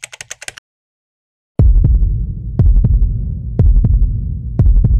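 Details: Steady paired lub-dub heart sounds at about 60 beats a minute over a low stethoscope hum, recorded through a stethoscope; normal heart sounds.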